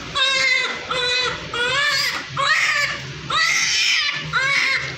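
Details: Newborn shortly after birth: loud, repeated high-pitched crying bursts, a vigorous normal newborn cry.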